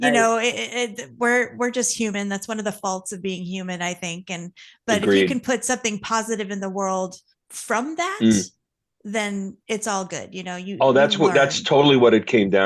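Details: Adult woman speaking; Normal voice.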